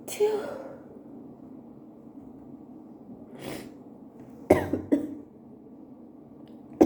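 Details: Adult with allergies at work, unable to stop sneezing, with very wet sneezes: several sharp, explosive sneezes with short gaps in a quiet room.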